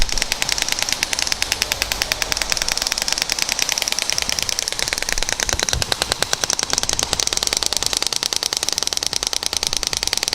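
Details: Radial shock wave therapy device with a curved head firing over the whole Achilles tendon area, focusing on the sides, with gel applied: rapid, steady sharp clicking pulses, about ten a second.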